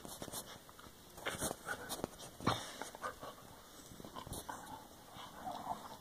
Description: Just a vid of my dog sneezing her brains out. Twice.